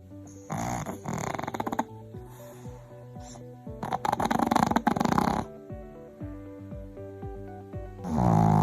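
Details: Dog with tracheal collapse (mitral valve insufficiency also named): repeated harsh, honking, snort-like coughing bouts over background music.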